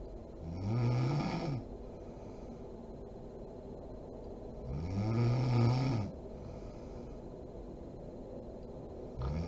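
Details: Mother (adult woman) asleep: two loud, low, rattling snores on inhaling, with quiet breathing between and steady background hiss; ordinary sleep snoring.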